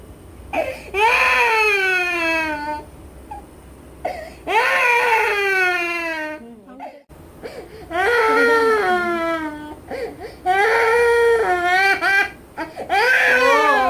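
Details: Baby crying during ear piercing with a piercing gun: long, loud, wailing bursts with short catch breaths between them, a strong distressed cry.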